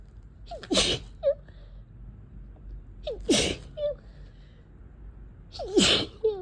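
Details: Wet sneezes from a person with a sneezy head cold of a few days, set off when blowing the nose worsened the nasal tickle.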